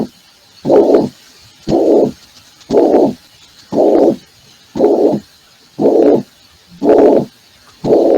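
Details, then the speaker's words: Internal medicine valvular disease class: a regular blowing systolic murmur about 58 a minute, each lasting nearly half the cycle; mitral regurgitation heart sounds. "vamos a ver lo que nos interesa as hoy día ver los ruidos cardíacos de la insuficiencia mitral"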